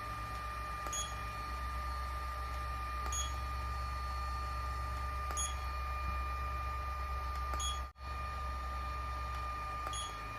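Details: Yachyee IPL laser hair removal device at level four with ice-cooling on, used for a face treatment: steady fan hum and high tone with a soft click about every two seconds as the light fires.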